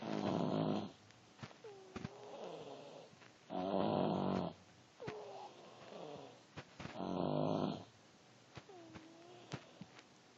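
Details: Snoring.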